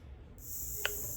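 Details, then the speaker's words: Portable mesh nebulizer for toddlers switching on in high mode: steady high-pitched electronic whine over low room hum with one brief beep; mesh nebulizer running. "This is the mesh uh nebulizer head. It actually pushes the vapor out down through that."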